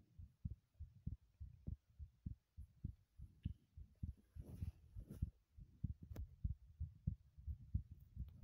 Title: heartbeat sounds while running in the bathroom ASMR